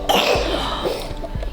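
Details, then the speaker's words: Single short, slightly wet cough from a congested infant girl being tested for RSV, with heavy wheezy breathing; among the first coughs of her life, with faint room noise. "Is that she's congested like up in here, but she hasn't quite figured out how to cough. Like that's like the third cough of her life."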